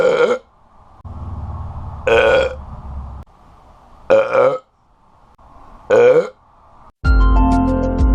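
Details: Four loud, drawn-out belches from a man with music in the background; ordinary burping.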